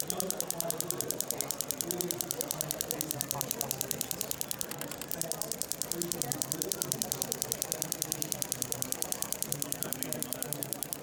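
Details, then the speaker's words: Storz shockwave device's vibration applicator at 10 Hz and lowered energy, used with skin friction to create shear force during treatment of an adult woman with chronic golfer's elbow (medial epicondylitis): rapid steady buzzing mechanical tapping. "this is no longer shockwave this is just an added tool to the shockwave device this is vibrations we use the vibrations together with the friction of the skin to create the shear force between the different layers"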